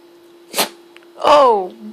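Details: Sleeping Dachshund dog, disturbed from napping, gives one sharp sneeze followed by a brief whine in a quiet room.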